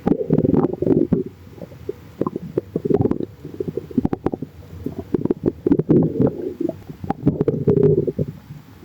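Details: Stomach growling (borborygmi): loud bubbly gurgles and squeaky rumbles in irregular bursts as gas and fluid move through the gut.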